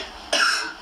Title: Coughing